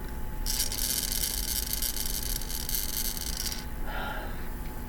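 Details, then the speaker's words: In the morning, a congested adult with tracheomalacia and a tracheoesophageal fistula repair uses a hospital-issued incentive spirometer to open the airways. A steady airy hiss of about three seconds marks one slow, deep inhalation, part of about ten repetitions. "It is used when you inhale, and you want to keep this little doohickey between these two arrows, and then it measures what you're doing."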